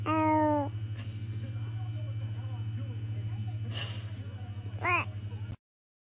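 Brief high-pitched infant cry at the start, soft fussing sounds, then another short cry, over a steady low electrical hum; a brief infant cry.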